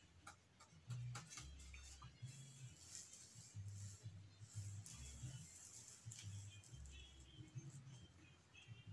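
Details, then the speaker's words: Fetal heartbeat on a fetal Doppler transducer placed on the pregnant woman's abdomen in a nursing demonstration: rapid rhythmic whooshing pulses at 140 beats per minute, within the normal 120–160 range; normal fetal heart sounds. "su bueno tiene una frecuencia cardiaca fetal de 140 latidos por minuto así que se encuentra dentro del rango normal"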